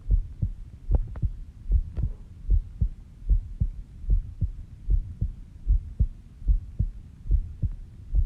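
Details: Self-recorded heartbeat while sleeping, at 5:30 am, with a rate of about 70 bpm: steady, regular lub-dub sounds; a normal resting heart rhythm.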